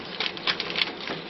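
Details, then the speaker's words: Corpuls 3 monitor-defibrillator printing a snapshot of its display after the print button is held: fast rattling, buzzing clicks from its small thermal printer; monitor printer printing. "yazıcıya basık tutunda ekranın fotoğrafını çekiyor bilgisayarlarda print sron özelliğinin aynısı"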